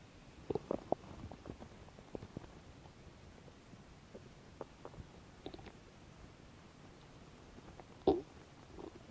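Scattered soft gurgles and brief squelching rumbles over quiet background noise; ordinary bowel sounds from digestion.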